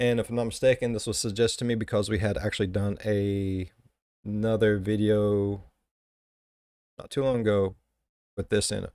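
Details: Adult man speaking; Typical voice.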